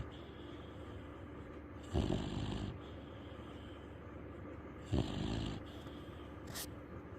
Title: Dog snoring again and he is soooo loud!